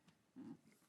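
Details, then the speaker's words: Sleeping dog snoring in a quiet room during an art session: a single low, rumbling snore. "And there we go. That dog, if y'all hear that dog snoring, y'all please excuse"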